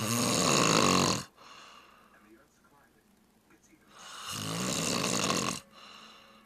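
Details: Snoring recorded in January 2010 on a Flip Video camcorder: two loud, rough, rattling snores on breathing in, separated by a quiet pause, about ten a minute.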